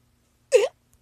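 One short, sudden voiced gulp in silence, typical of a single hiccup.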